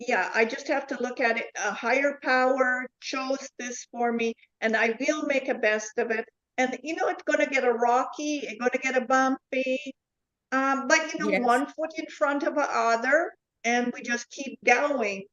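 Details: Woman with foreign accent syndrome since a neurological event in July 2010; her accent shifts between varieties; also aphasia, apraxia and comprehension difficulties; reports no control of her tongue and gibberish under stress; foreign accent syndrome.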